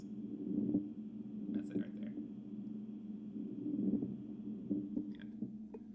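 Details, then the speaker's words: Pleural friction rub from inflamed pleura: coarse, grating rubbing sounds with the breaths over a steady low hum. "if you take yeah set the scope and run your fingers over the back you'll hear the kind of rubbing noise that's basically what a plural rub sort of sounds like it's kind of rubbing friction like noise"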